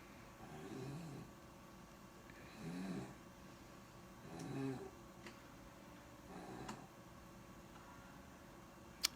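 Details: Snoring from a sleeping child on a pediatric ward, recently out of the pediatric ICU, with swelling of the vocal cords and airway; she never snored before, was given Ativan, and her lungs are still not fully recovered.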